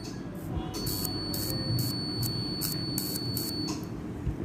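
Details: Removal of a facial mole with a laser/electrosurgical device: repeated high-pitched electronic buzzing bursts over a low hum, with no bleeding or wound afterwards; mole removal device sound.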